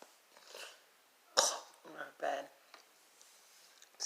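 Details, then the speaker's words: A few short, dry coughs from a sleeping young boy in a quiet room, a lingering cough from a cold that is getting better. "and he's coughing so probably gonna have to give him cough medicine again yeah he's he's still a little sick"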